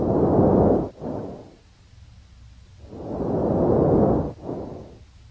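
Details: Normal vesicular breath sounds: soft, low rustling breaths with longer inspiration and a brief, fading expiration, played for comparison with bronchial and bronchovesicular sounds.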